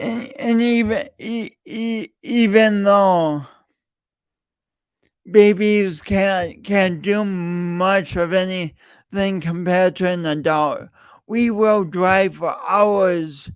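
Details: Adult man with a self-reported speech impediment, present for years and audible whenever he speaks; stuttering (speech disfluency) with repeated words.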